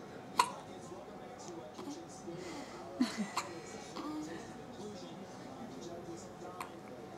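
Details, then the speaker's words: Girl with hiccups right after a big meal and a burp: short, abrupt catching sounds recur irregularly over soft talk and faint music. "tired meline is a queen of hiccups oh poor girl"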